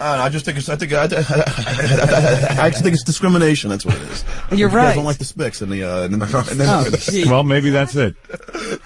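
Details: Adult man, born 1965, who has stuttered since second grade, speaking as a radio show call screener; word repetitions heard; stuttering.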